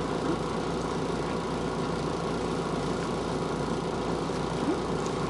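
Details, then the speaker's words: Suction machine running on continuous mode at medium suction (80–120) during a nasopharyngeal suctioning nursing skills demonstration: steady low motor drone and rumble. "okay now going to turn our suction on on this particular model we have 80 to 120 is your medium suction and we're going to leave it on continuous cuz once we get down we want to go ahead and suction out"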